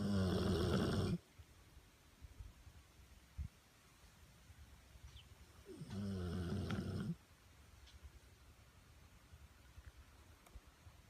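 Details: A sleeping Pit Bull dog snoring: two loud, rough, rattling snores separated by quiet breathing.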